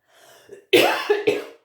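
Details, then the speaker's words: Adult woman coughing during a tarot card reading, then apologizing: a soft throat-clearing sound followed by two sharp, loud cough bursts. "Je sais que quand on écoute les vidéos et que la personne tousse en face, c'est vraiment pas agréable au niveau des oreilles, au niveau des tympans."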